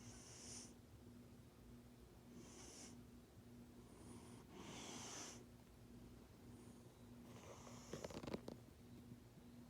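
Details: A sleeping fat cat snores very loudly with rhythmic hissing, snuffly snores at roughly 25 breaths a minute over a steady low hum.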